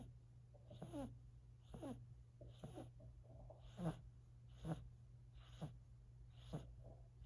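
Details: A 4-month-old silver Siberian kitten snores while sleeping: steady snuffly breaths with a slight whistle, about 70 a minute, over a constant low room hum.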